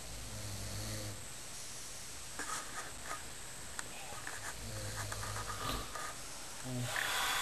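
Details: Adult man snoring in a hostel bunk: low rumbling snores recur with each breath in a quiet room, with short pauses between them; ordinary snoring.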